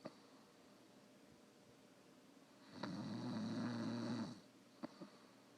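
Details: One long, buzzing snore of about one and a half seconds in a quiet room, with brief clicks before and after; snoring.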